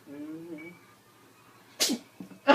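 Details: A brief voice, then a person's sharp, explosive sneeze followed by a second burst, near a cat in a compilation of cats startled by sneezing; sneezing.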